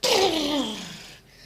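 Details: Comedic skit acting out types of sneezes: a single loud, explosive burst with a falling voiced tail, a likely performed imitation of one sneeze.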